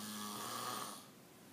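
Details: Snoring: a single short, raspy snoring breath, fading out.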